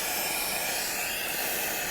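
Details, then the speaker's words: Continuous loud airy hiss of high-volume dental suction removing excess water after the pilot hole is drilled, during a training T-shaped cavity preparation on an ivory tooth. "once your pilot hole has been prepared you can always use suction to remove all the excess water"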